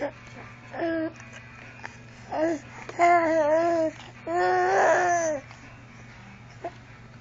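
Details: Infant: short, rising and falling wails mixed with babbling over a steady room hum; fussy infant crying.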